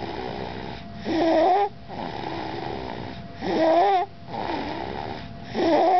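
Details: Stridor at night in a sleeping toddler: harsh, high-pitched crowing sound on each breath, about 26 breaths a minute.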